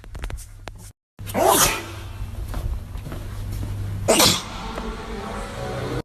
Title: Big Nose Man Sneezing